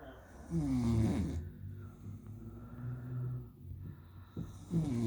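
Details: Loud, rattling snores on each breath, separated by quieter breathing, from a 23-year-old woman; typical adult snoring.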